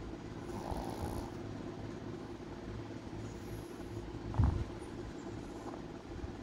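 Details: A sleeping Boston terrier, possibly dreaming of eating, snoring: low, rumbling noisy breathing with a louder snort midway: snoring.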